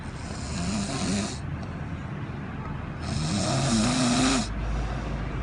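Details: Snoring recorded in port: two loud rattling snores with hissy breath, about one breath every three seconds, over a steady background hum.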